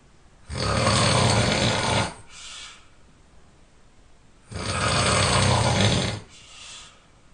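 Two long, loud, rough snores on breathing in, each followed by a softer breath out; heavy, forceful snoring.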